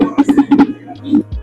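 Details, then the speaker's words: Pleural friction rub: brief run of dry, creaking, grating bursts over the chest, caused by inflamed pleural layers rubbing together. "Pasamos a la fricción pleural, la cual se encuentra acá de esta forma. Este es un sonido seco."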